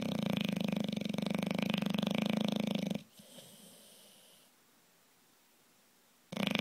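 Loud, buzzing, fluttering snore lasting about three seconds, then quiet before the next one begins.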